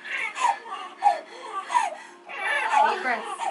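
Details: Short, rising-and-falling wails repeated several times from a newborn boy just after an unmedicated water birth at 38 weeks 6 days at a birth center; a normal first cry.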